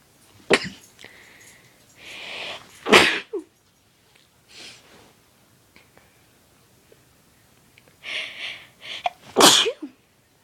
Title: More induced sneezes